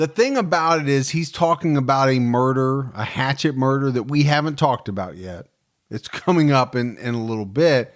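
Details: Adult male speaker; Ordinary speech.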